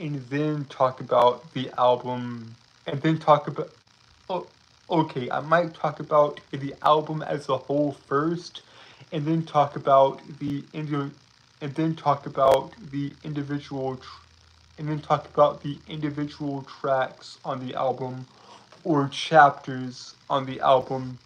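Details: Stuttering from a speech impediment that a male streamer says makes him stutter and trip over his words; repeated phrases are heard in this stretch.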